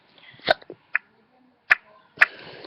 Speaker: Sorry, I have hiccups. Oh, okay, alright, fine. These hiccups are hurting me.